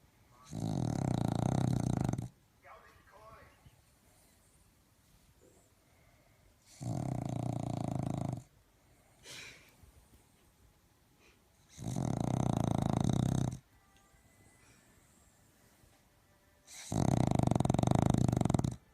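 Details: Dog snoring while asleep: loud, regular rasping snores, four breaths in about 19 seconds, roughly 13 a minute.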